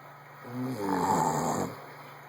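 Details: A single loud, rattling snore on an in-breath lasting about a second, in a quiet room; snoring.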